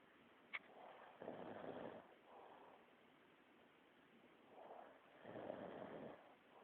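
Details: Employee asleep, snoring: soft, low rumbling noises with the breaths, two louder ones about four seconds apart, over faint room hiss; snoring.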